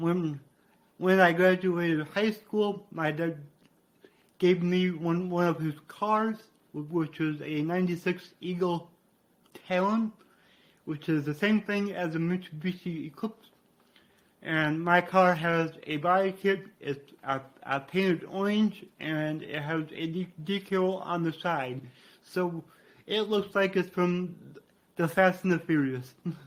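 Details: Adult man with cerebral palsy, which he attributes to brain damage after being born without heartbeat or breathing and being revived; he describes a resulting speech impediment; dysarthria (cerebral palsy).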